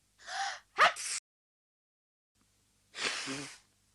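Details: Simulated sneeze from the animated character Anne in Japanese-language cartoon audio, with dialogue suggesting she may have caught a cold: a sharp inward gasp, then a forceful burst and a breathy exhale.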